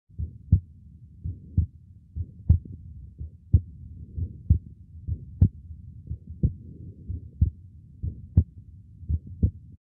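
Regular heartbeat near 60 a minute with a harsh, low murmur filling the gap between beats, from a small muscular VSD.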